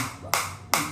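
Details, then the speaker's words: Focused (not radial) shockwave therapy device in hand mode, applied to the operator's own hand at intensity 10 of a possible 15: two sharp snapping clicks a little under half a second apart as pulses are delivered. "So right now I am getting very effective focus shockwave on the hand area, and this is the intensity 10."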